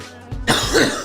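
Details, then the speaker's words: Single short, harsh, throat-clearing cough from an adult who has a pounding headache and describes postnasal drip, with stuff coming back into the back of the throat; faint background music; cough. "it's not too bad could be worse it's really just like a you know a drip you know all the you know I don't even want to say it but all the stuff coming back in the back of my throat kind of getting n"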